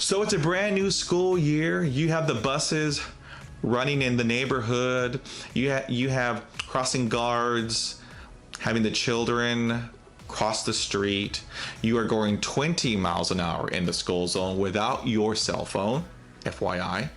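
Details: Real stuttering in an adult male host who has stuttered since childhood, when it led him to miss the first days of school.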